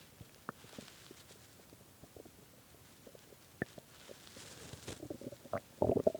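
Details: Hunger stomach growling (borborygmi) at 3 a.m. after skipping lunch and dinner: quiet, irregular gurgles and pops building to a louder rumbling growl at the end.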